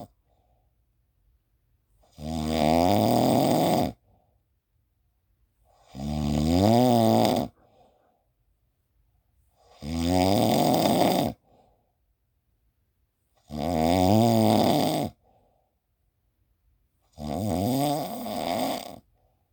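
Loud, regular, throaty snores with quiet pauses between them, five in twenty seconds, about 15 breaths a minute. Steady sleep snoring.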